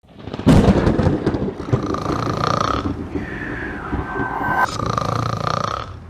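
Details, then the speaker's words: Acted comedic heavy snoring by a newly married husband: loud, rough, rattling, long drawn-out snores, exaggerated for comedy. "ചേട്ടൻ കൂർക്കം വലിക്കുമെന്ന് പറഞ്ഞപ്പോൾ ഞാൻ ഇത്രയും പ്രതീക്ഷിച്ചില്ല കേട്ടോ"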